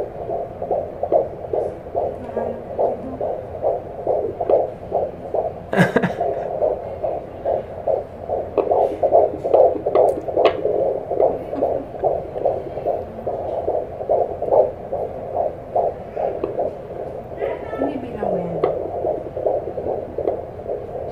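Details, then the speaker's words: Doppler recording of a fetal heartbeat at 17 weeks of pregnancy during a doctor's visit: fast, regular whooshing heartbeat at about 145 to 150 beats a minute, described as strong. "Oh that's a baby's heartbeat Wow ang lakas ng heartbeat niya marinig niyo ba yun"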